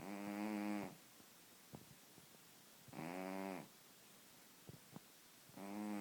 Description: My cat's name is Puma. He's obese and may suffer from sleep apnea.